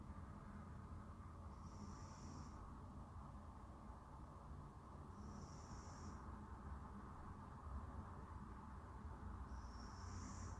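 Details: A sleeping cat makes a faint, high whistling squeak about every four seconds over a steady low rumble; snoring.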